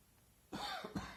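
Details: Sudden dry cough in two harsh bursts at the back of the throat, no wet or rattling sound, recorded on a smartphone while sitting reading in a garden on a hot early-autumn afternoon.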